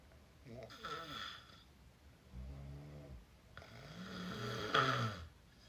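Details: Loud, rough open-mouth snoring with raspy rattling breaths in and out; snoring.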